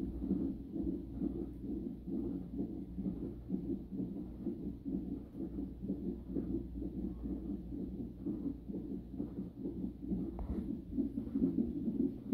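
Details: Rapid rhythmic whooshing Doppler fetal heartbeat, about 130 to 140 a minute, during a 37-week non-stress test for a high-risk pregnancy; the rate rises when the baby boy moves, a healthy reactive pattern.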